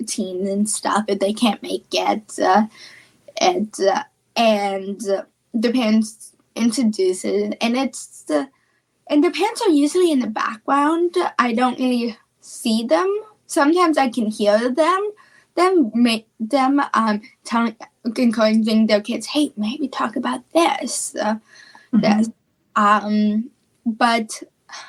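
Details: Female speaker with childhood apraxia of speech, a neurological speech disorder; childhood apraxia of speech.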